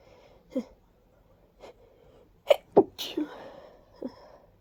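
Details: Sudden sneezing fit after a deep nasal tickle in a person with active allergies: a short run of sharp, congested sneezes with wet, snuffly breaths between them.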